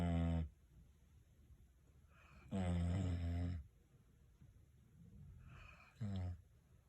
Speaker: When your dog snores more than your husband